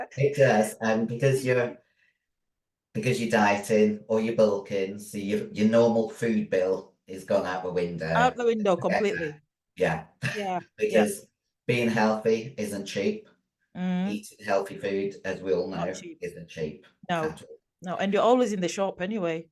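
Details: 56-year-old female bodybuilder with androgen-induced voice deepening (virilized voice) after taking large doses of anabolic steroids, including male steroids; she can no longer sing; also has chronic kidney disease and past liver damage.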